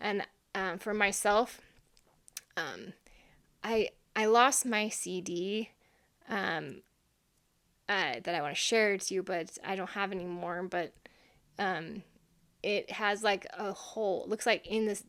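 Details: Long-standing aphasia in an adult woman after brain injury, with a right-sided brain lesion on CT; she reports word-finding difficulty, wrong-word substitutions and trouble repeating beyond three words.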